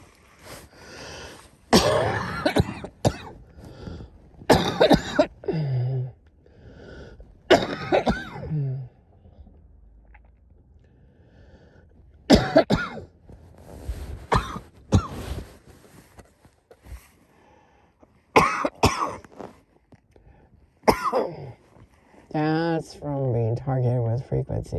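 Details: Repeated harsh adult cough bursts with throat clearing and quiet gaps; the person says it is not a cold and attributes it to lungs targeted with frequencies.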